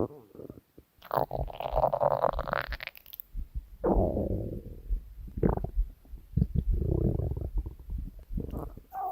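Loud, drawn-out gurgling growls with squeaky, falling tones and bubbling pops; stomach growling from gas and fluid moving through the gut.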